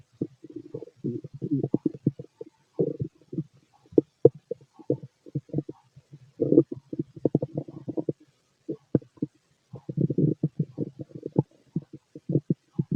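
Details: Male's stomach growling: rapid, close, loud bubbling and popping gurgles in bursts; normal bowel sounds of a healthy digestive system.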